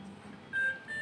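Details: Hamilton C-3 ventilator humidifier alarm: a short, steady electronic tone over faint room noise and music, sounding because a part is not fully inserted.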